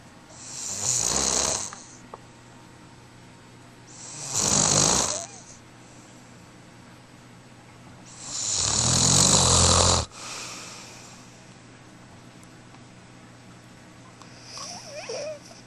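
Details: Three loud, hissing breaths with a rough, low flutter, about one every four seconds (roughly 15 a minute); ordinary snoring.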